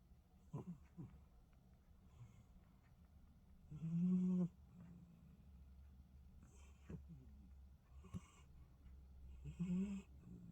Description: the SNORING CUTE NYA~NYA🖐🤣....IS PEACEFULLY SLEEPING.HOW BLESSED IS THIS CAT....BLESSY CAT🖐😇🔥💓